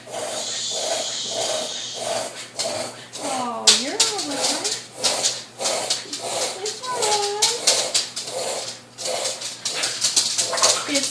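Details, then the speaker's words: A dog on regular medication has a coughing attack: runs of harsh, wheezy coughing bursts with whiny, tonal breath sounds, resembling an asthma attack; calming and slow breathing reportedly help. "like an asthma attack. You're okay. It's like an asthma attack, actually, and it's kind of frightening to hear, but if I can get him to calm down and breathe slowly and not do the wheezing like that, then he's much better."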